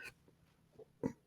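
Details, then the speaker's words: Pug lying close by, snoring: brief snorting, grunting bursts from a small flat-faced dog resting in a quiet room. "oh and also my pug is really close to me and he's snoring so you might hear that and I just don't have the heart to like push them away"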